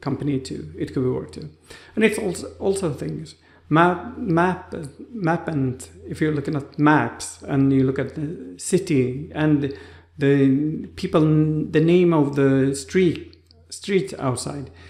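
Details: Adult man with aphasia after a stroke, in rehabilitation with therapists; his speech was like a two-year-old's on waking after the stroke; has trouble finding names and words; aphasia after stroke.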